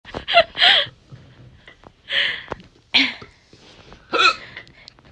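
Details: Four sudden voiced gulping bursts with quiet gaps between; repeated hiccups in a man.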